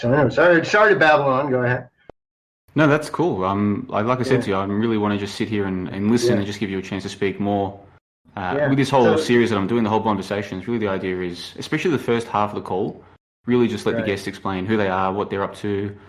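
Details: Adult man speaking; ordinary speech.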